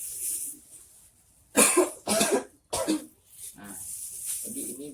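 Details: Effective (huff) cough demonstration taught as health education for an asthma client: a deep breath followed by three forceful coughs to clear phlegm, with quiet talk before and after.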